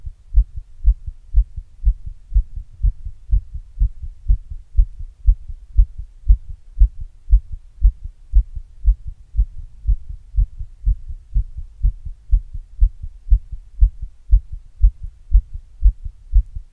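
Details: Own heart sounds recorded after exercise with an earbud microphone pressed into a glass: quick, steady, low thumping heartbeats with a soft hum behind them, a normal heart after exercise.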